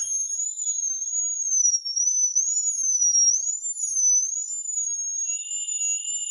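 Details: Steady high-pitched whine of a dental drill, wavering slightly in pitch, splitting a deeply impacted wisdom tooth root in two during extraction.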